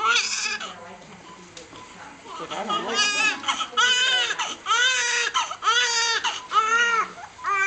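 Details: Newborn boy crying just after birth and cord cutting, repeated rising-falling wails after a soft start, strong and clear-toned; a normal vigorous first cry.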